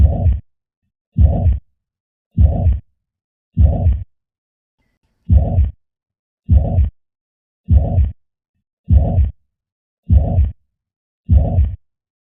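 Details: Heart sound with mitral regurgitation and tricuspid regurgitation murmur.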